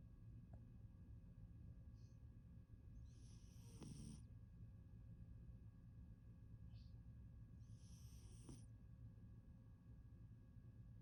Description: Persian kitty sleeping sound a sleep snoring his butt off